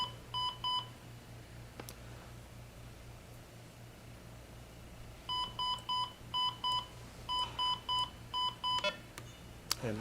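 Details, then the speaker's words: Criticare 8100 EP1 monitor demonstration: after removing the capnography nasal cannula, repeated groups of high beeps over low steady hum, the apnea alarm triggering without detected breathing. "i will now take that nasal cannula off and we have this thing set to go to an atm alarm i believe in about 30 seconds yep there goes the alarm"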